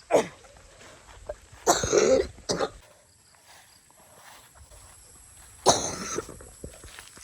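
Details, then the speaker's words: Adult outdoors gathering fern vegetables, with a severe cough not improving despite taking many medicines: four or five harsh coughs spread over several seconds, a persistent cough, with quiet outdoor background. "Grabe. Ubo ito. Ayan guys. Grabe yung ubo. Ang dami ko na pag iniinom. Hindi pa igi-igi."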